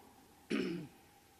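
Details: Single short, rough throat clear under half a second against quiet room noise, from an adult woman speaker giving a commencement speech who reached for a lozenge and blamed allergy.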